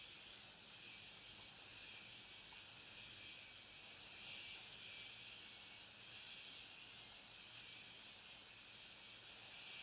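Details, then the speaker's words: Steady high-pitched whine of a high-speed handpiece with slight pitch dips, short tapering needle burr slicing mesial/distal proximal contacts of tooth 46, leaving a thin enamel shell to protect adjacent teeth, metal-ceramic crown preparation demonstration. "While doing this step, we have to be careful so as not to damage the surface of the adjacent teeth."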